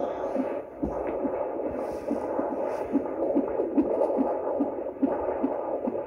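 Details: Normal fetal heart tones on Doppler at a prenatal appointment: fast, steady whooshing, galloping pulses about 145 a minute; healthy heartbeat.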